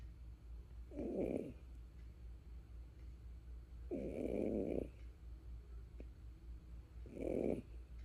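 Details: Kangaroo snoring during sleep: three rough, rattling snores about 3 seconds apart, roughly 20 a minute, with a steady low hum in the background.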